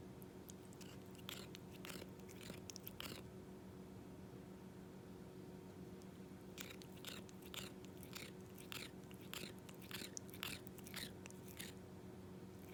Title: Cat tooth grinding noises